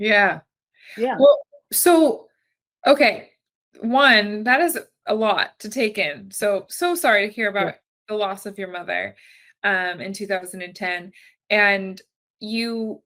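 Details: Adult woman; typical speech.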